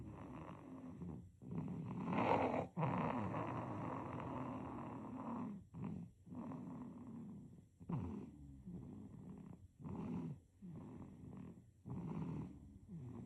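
Soft rhythmic rattling, snorting breaths, about 20 a minute, with brief pauses; light infant snoring.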